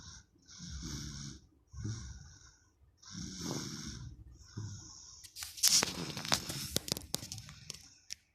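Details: A baby snoring loudly during an afternoon nap: repeated rough, low, rattling, hissing snores, then rustling and clicking.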